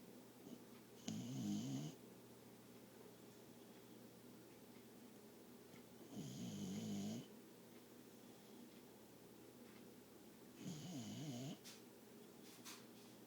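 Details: Dog snoring while asleep on its owner's lap: three rattling, fluttering snores, one every four to five seconds, with quiet breathing between and a steady low room hum.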